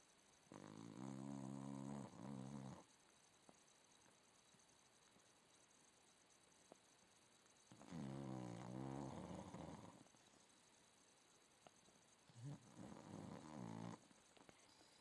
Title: Roxy Blue staff snoring